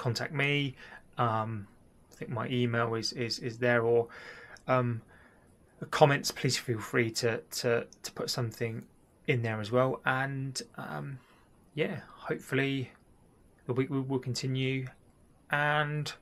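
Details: Stammering (stuttering) in an adult who links it to a childhood event and is receiving cognitive behavioural therapy, also mentioning depression and bipolar disorder; word and part-phrase repetitions with filled pauses.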